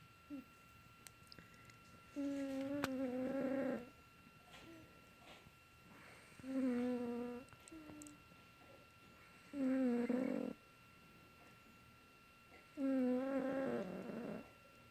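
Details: Snoring on a Saturday morning: loud, tonal, buzzing snores about every three seconds, roughly 19 a minute, with quiet breathing between.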